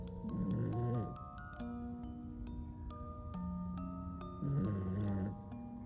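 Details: Sleeping small dog snoring: two rough, fluttery snoring breaths about four seconds apart, under a tinkling music-box melody.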